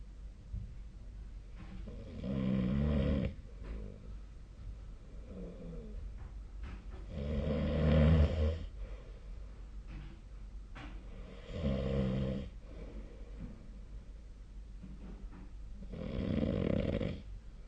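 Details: Nightly sleep recording made with the SnoreLab app: four loud, low rumbling snores about every 4–5 seconds, roughly 14 a minute, with quiet breathing between; ordinary sleep snoring.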